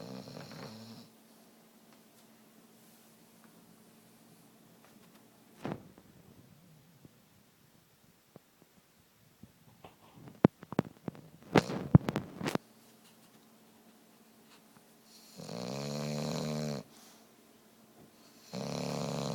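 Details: Pet named Buster snoring super loud: drawn-out, buzzing snores with some clicks and small noises between them.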